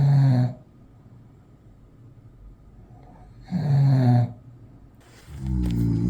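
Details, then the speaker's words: Adult male (boyfriend) snoring during sleep before CPAP treatment. The snoring is described as very severe, loud enough to get through noise-cancelling earphones. A sleep study later showed about 70 apneas per hour: snoring. "남자친구가 알고 보니까 코골이가 진짜 너무 심한 거예요. 어느 정도냐면요. 한번 들어보세요."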